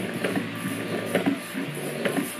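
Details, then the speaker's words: Steady mechanical hum with rhythmic clicking and soft whooshing suction pulses from a single electric breast pump being tested, with some room noise; electric breast pump running. "jadi ini dia ada suaranya didengerin intinya ada suaranya ini aku matiin"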